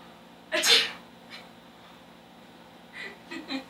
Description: One person in a towel starts dressing while another person sneezes, then laughs, from the doorway.